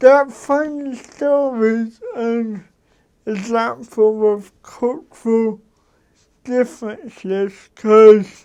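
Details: Dysarthric speech from an adult man with cerebral palsy.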